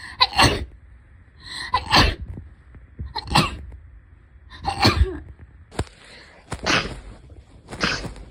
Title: sneeze 71-80